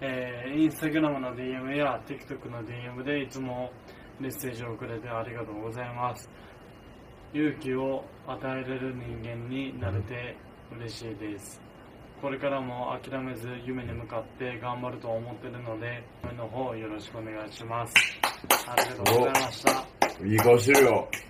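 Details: Man with dysarthria after diffuse axonal injury from a traffic accident, with left hemiplegia, higher brain dysfunction and language impairment; bedridden two months after the accident; dysarthria.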